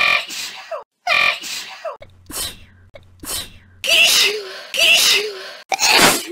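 A series of loud, sharp bursts, several with a drawn-in breath before them, fitting repeated sneezes; about six to seven sneezes.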